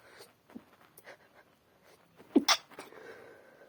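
Quiet breathing and sniffing, then a sharp wet sneeze burst into a tissue: a single sneeze.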